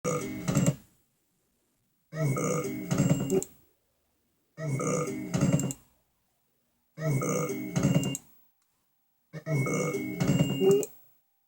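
Five deep, croaky burps, each about a second long, repeating roughly every two and a half seconds with silence between.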